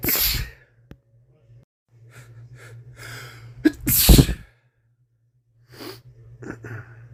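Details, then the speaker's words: Male with a common cold, giving a sharp sneeze with a quick intake beforehand, plus sniffling and congested nasal breathing; several sneezes in a row. "Man, 3 in a row. 4. I feel like there's one more."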